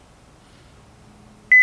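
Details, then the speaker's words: Philips OnSite AED trainer unit (training device, not a real AED) in a demonstration: quiet room, then a sudden loud, steady high-pitched tone, the shock-advised alert before the voice prompt to stay clear and press the flashing orange shock button. "advised stay clear of patient and pressing the flashing orange buckshot delivered"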